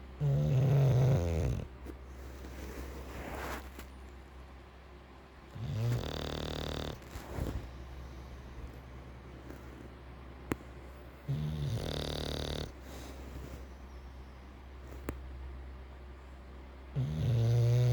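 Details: English bulldog Bacon sleeping with loud, rattling snores about every six seconds, roughly 10 a minute, with softer noisy breaths between; heavy snoring in a flat-faced dog.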